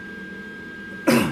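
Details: After a second of quiet room hum, one short, harsh cough or throat-clearing burst from an adult with a chronic cough due to respiratory issues.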